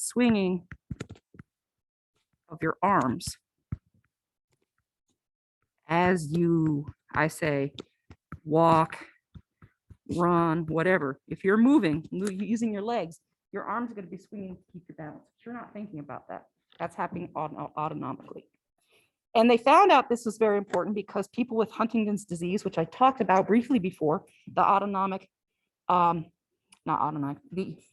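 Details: Adult lecturer; normal speech.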